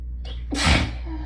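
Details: Quick intake of breath, then one sharp explosive sneeze, part of an ongoing hay fever sneezing fit; sneeze.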